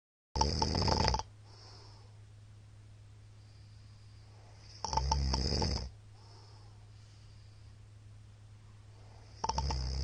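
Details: Middle-aged man heavily snoring during sleep, recorded 13 March 2022 and described as very loud: harsh snores every four to five seconds, about 13 a minute, with quiet breathing between.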